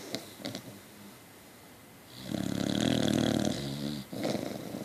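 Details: Norby, a sleeping Beacock dog, giving a rough, rattling snore on one long breath with soft snuffles before and after; loud ordinary snoring.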